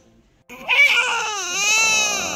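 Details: Newborn son, born in a UK hospital at 40 weeks: after a brief quiet start, a loud, sustained, rising-then-falling hungry cry before feeding, with blood sugar to be checked first.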